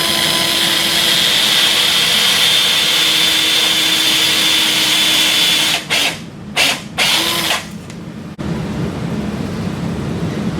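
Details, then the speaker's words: Sawbones demo of wrist total arthroplasty: a quick-connect power driver gives a steady high-pitched whine with brief pauses as the carpal twist drill is driven over a guide pin centred in the capitate until flush with the articular surface; surgical twist drill. "Drive the carpal twist drill over the guide pin until the shoulder of the drill is flush with the articular surface of the"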